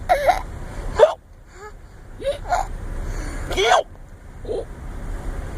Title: Fake Hiccups are Funny!